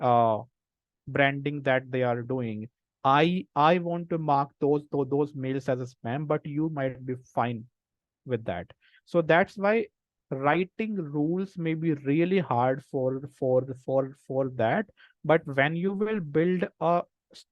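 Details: Adult male person who stammers, a senior volunteer in a self-help stammering association; repeated words and part-words are heard; stuttering.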